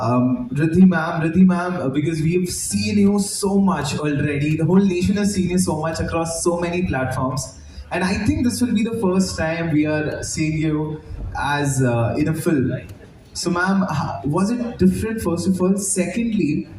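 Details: Adult speaker, likely female; Normal voice.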